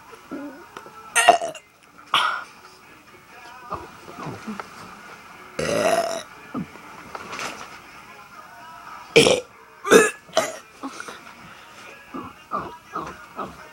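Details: Deliberate burping for a burping contest: a run of loud, voiced belches over a quiet background, with softer sounds between them.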